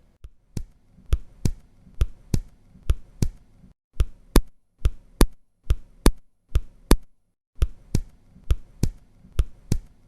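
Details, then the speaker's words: Simulated accentuated second heart sound over the pulmonary artery, louder than the second sound over the aorta, about 67 beats a minute, second sound of each pair louder. "теперь вариант усиления усиление второго тона над легочной артерии акцент второго тонна легочной артерии может использоваться еще такой термин это значит второй тон от легочной артерии звучит громче чем второй тон над аортой"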